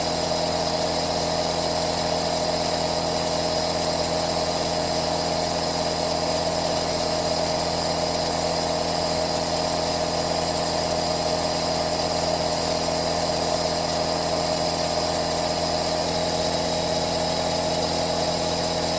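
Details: Aerosol nebulizer running, recorded as a 3D ASMR white-noise track: continuous rough, buzzing motor noise with a steady hiss.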